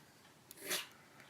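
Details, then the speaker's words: Cat sneeze: a single short, hissing sneeze from a male cat having a sneezing fit, faint against quiet room noise; he has an ongoing sinus problem. "Tiff is the cat by the way who is being terribly sick at the background"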